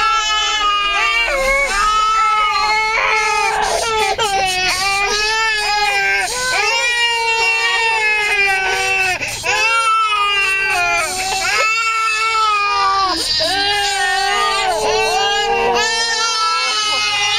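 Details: 8-month-old twins crying together after a drive back from Pattaya, tired from playing: sustained wails and whimpers.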